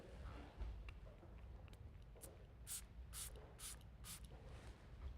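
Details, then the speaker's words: Throat spray applied to a woman with shoulder pain, whose primary lesion the practitioner located in the digestive tract (Weill Pain Relief Method): about five short, hissing spray bursts in quick succession over low room rumble. "So we're going to try and make it even easier. We're going to just do throat spray."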